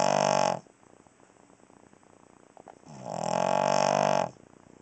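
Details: Cavalier King Charles Spaniel dog snoring during the night: loud, buzzing, rattling snores on two breaths, separated by quiet pauses; heavy snoring.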